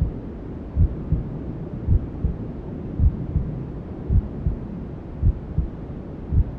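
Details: Newborn sleep-aid womb sounds: soft, muffled maternal heartbeat thumps about 54 a minute under steady rushing white noise, with other sounds from inside the mother's belly.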